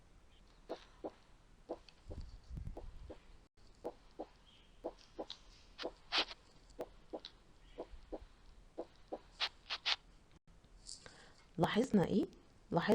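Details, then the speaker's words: Normal heart sounds S1 and S2 in a patient with a heart rate around 60/min: steady paired sounds, a short systolic gap between S1 and S2 and a long diastolic pause before the next S1. "هنبدا بالنورمال هارت ساوند اللي هم ايه؟ اللي هم S1 و S2، تمام. ملاحظين ان ما بين S1 و S2 اللي هو السيستول مسافه قصيره، ما بين S2 و S1 اللي بعده في الدايستري مسافه طويله، فده ممكن يساعدني ان انا اميز السيستول من الدايستول."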